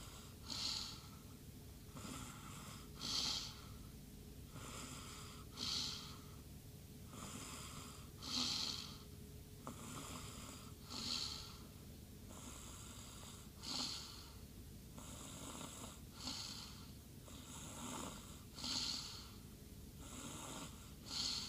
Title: After Swim Snore